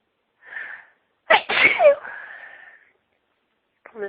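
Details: Repeated sneezes during a sneezing fit while announcing an impending sneeze: sharp inhaled build-up, then one loud explosive sneeze trailing into a voiced exhale.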